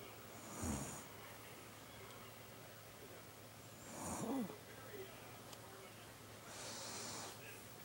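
Snoring, with two snorting inhaled snores and a softer breath between them, over quiet room noise.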